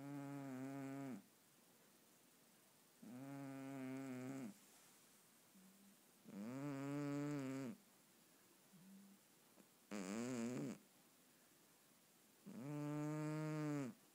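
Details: Male cat, sleeping: five slow, buzzing snores at about 19 breaths a minute with quiet pauses between; ordinary harmless snoring.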